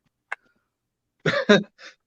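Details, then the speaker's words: A single short, sharp cough burst from a man who says he swallowed something wrong, followed by unrelated voices talking. "TCB quit coughing gez I sound like now"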